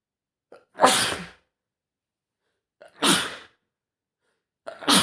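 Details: Adult male with a horrible cold for over a week, at home: three loud explosive sneezes about two seconds apart, each preceded by a short intake of breath; repeated sneezing fit.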